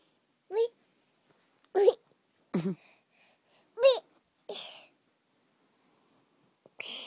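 About five short, sharp voiced hiccups spaced a second or so apart in a quiet room; ordinary hiccups, no wheeze heard.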